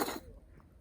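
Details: Single short harsh cough from Agomatsu, a cat who sometimes has coughing fits, fading into quiet room noise; owner wonders whether it is an allergy to humans; unedited recording.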